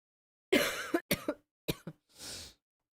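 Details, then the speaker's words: A few quick, rough coughs followed by a breathy sniff or snort from a person who says they are sick and coughing a lot that day; cough. "I just keep coughing a lot and it's like I prefer not to talk too much."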